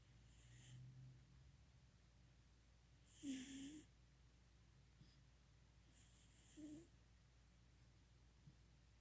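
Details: Quiet snorting snores with soft whistly breaths from a sleeping cat, about every three seconds, over low room noise.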